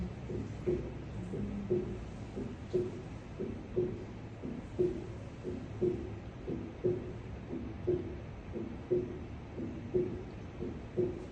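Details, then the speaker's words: Diminished first heart sound: regular heartbeat near 58 per minute with a soft, muffled first sound. "Si las válvulas se han vuelto a una posición de cierre y por lo tanto se encuentran parcialmente tensas en el momento de la contracción ventricular, el ruido generado está considerablemente disminuido y apagado."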